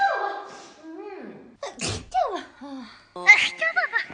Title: Twice Sneezing Compilation 🤣|#twice #twiceedit #shorts #kpopfunnymoments